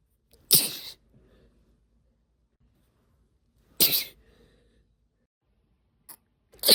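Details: Deliberately induced sneezing (f): two loud, explosive sneezes about three seconds apart, then the start of a third, in a quiet room.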